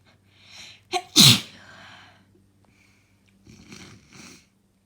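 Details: Right after about three hours of crying: an indrawn breath and brief catch, then one forceful, wet sneeze, followed by two soft sniffs over a faint hum; sneezing.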